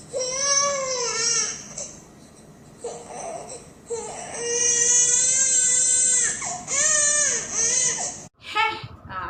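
An infant cries in loud, high, tonal wails with brief breathy pauses, a cry of discomfort rather than distress.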